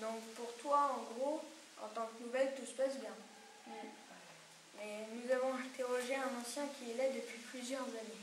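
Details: Child speaking French; Normal speech.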